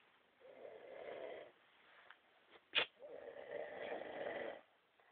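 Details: Man snoring loudly about 30 seconds after falling asleep: two long rough snores with a quiet pause and a brief snort between them, in a quiet room.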